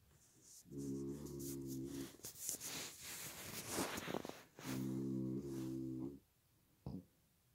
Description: I'm a light sleeper, lately snoring too loud and I can't sleep, I wake up with a really bad headache